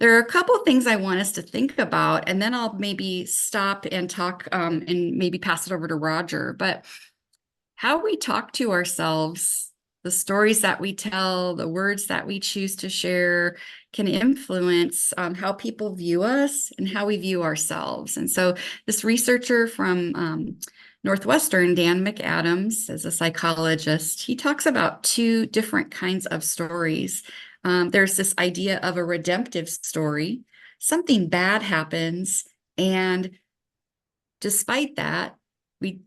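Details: Adult woman speaking; no disorder.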